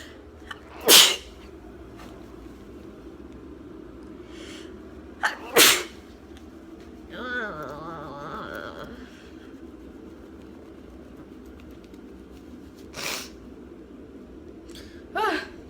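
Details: Girl with allergies in a sneezing fit, itching her nose: several sharp, explosive sneezes in a quiet room, some with a short catch of breath before; sneezing.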